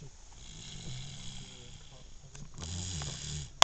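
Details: Baby asleep in the car: brief soft rattling snore during a breath over steady background hiss; infant snoring.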